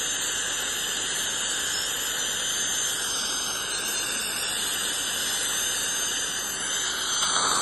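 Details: Dental hygiene cleaning with scaler and airflow air-polishing: steady high-pitched hiss with a thin whining tone from the instruments at work.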